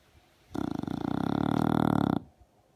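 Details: Female English bulldog in mild sleep, lip vibrating, snoring with a loud, rattling, rhythmic snore under two seconds long with rapid fluttering pulses; snoring is louder in deep sleep.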